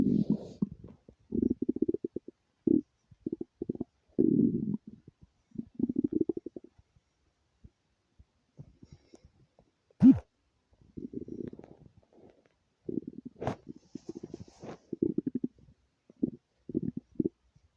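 Repeated low gurgling, rumbling bursts separated by quiet gaps: ordinary stomach rumbling.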